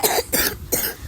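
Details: Child coughing while gaming and talking: three quick, short, sharp coughs in a row, a brief coughing bout.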